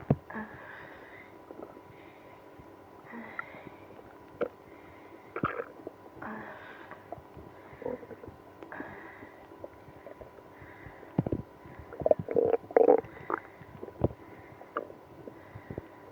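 Irregular gurgling and rumbling abdominal noises with occasional louder squelches; increased bowel sounds of a growling stomach.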